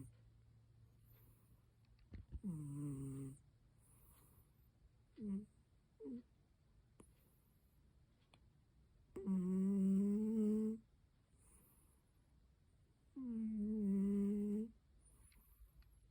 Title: snoring